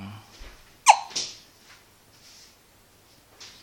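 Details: A baby boy gives one quick, sharp sneeze followed by a softer breathy echo, then quiet; a single infant sneeze, in a recording otherwise about his squeaky-sounding hiccups.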